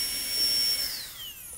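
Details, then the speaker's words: High-speed dental handpiece run for 30 seconds after oil spray lubrication to draw oil in: high-pitched whine that falls in pitch as it spins down; normal operation. "e aí você pode acionar pra que esse óleo corra pra dentro da caneta 30 segundos"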